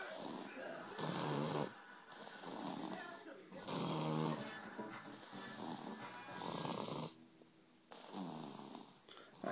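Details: A little boy snoring loudly: rough, buzzing snores with breathy in-breaths, about four in ten seconds, over background music and noise; heavy snoring.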